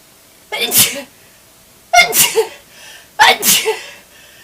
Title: Awesome spray sneezes